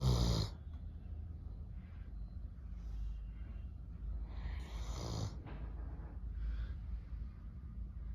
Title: Snoring Doberman #shorts #deepsleep #pets #doberman